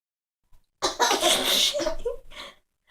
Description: Baby Laughing at Mom Sneezing